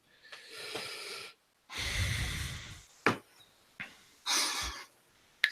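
Harsh wheezy heaving breaths and gagging snorts in bursts, a cat retching to bring up a hairball.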